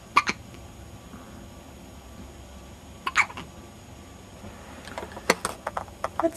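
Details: Several brief, sharp hiccup sounds at irregular intervals over quiet room noise: hiccups in a person.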